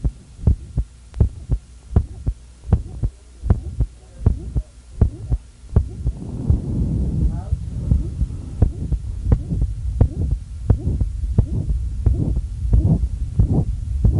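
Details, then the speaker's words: Man with hypertrophic obstructive cardiomyopathy performing Valsalva: regular heartbeat near 80 a minute, short high-frequency murmur grows louder during the strain, then changes character several beats in as mitral regurgitation develops; HOCM murmur with Valsalva. "the valsalva maneuver will hear an increase in the loudness of the obstructive murmur and several beats into the strain phase you'll begin to hear a change in the character of the murmur as he begins to develop mitral regurgitation"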